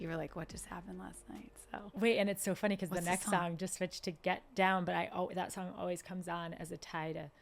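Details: Adult woman speaking; ordinary speech.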